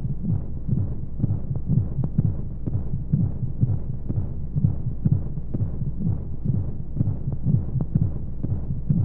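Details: Womb sound sleep aid for babies: muffled whooshing flow noise and white noise with rhythmic low thumps, regular, about 125 a minute, like a heartbeat heard inside the womb; womb heartbeat sound.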